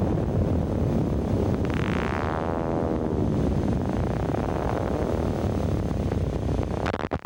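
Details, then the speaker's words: Needle EMG with a steady crackle and a high whine that swoops in pitch, the classic dive-bomber sound of myotonic discharges. These indicate myotonic syndrome until proven otherwise, or acid maltase deficiency. "Only a few other diseases show myotonic potentials on the needle EMG. One of them is acid maltise deficiency. Watch and listen to myotonic potentials."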